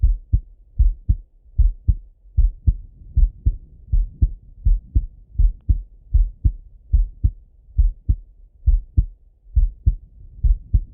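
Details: Male heart auscultation with a stethoscope, recorded either sitting at a desk or lying in bed; steady paired lub-dub at about 76 beats a minute, no extra sounds; normal heart sounds.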